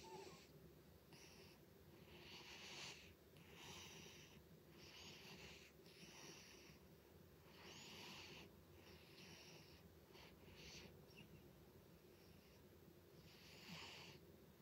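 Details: Sleeping cat snoring loudly with rough, wheezy noises on each breath, about 23 a minute, over a steady low room hum.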